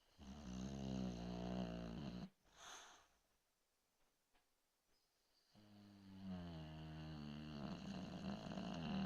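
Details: Snoring during sleep: two long, rumbling, voiced snores separated by a quiet pause of several seconds.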